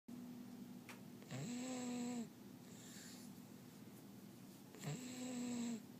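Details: A sleeping 2-month-old deaf Great Dane puppy, one eye kept open, makes two drawn-out, tonal, whining breath sounds with a hum between them; snoring.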